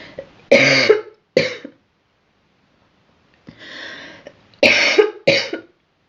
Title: Girl coughing 24